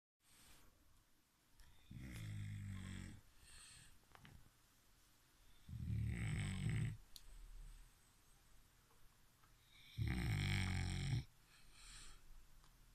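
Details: Sleeping bulldog snoring: deep, rumbling snores about 15 a minute, with snuffly breaths between them.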